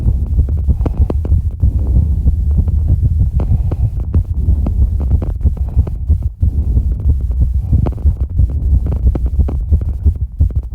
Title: 200 BPM exercise recovery heartbeat (w/heavy breathing)